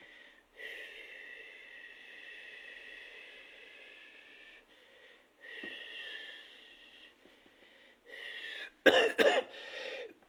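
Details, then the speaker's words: Demonstrated cystic fibrosis physiotherapy with long, slow, deep, airy exhalations and pauses, ending in a sharp cough: slow expiratory flow acceleration, with the physiotherapist's hands placed on the patient, who exhales slowly for as long as possible. "le kinésithérapeute en place la place les mains pour l'accélération du flux expiratoire le patient va réaliser avec une vitesse plus ou moins lente. L'expiration."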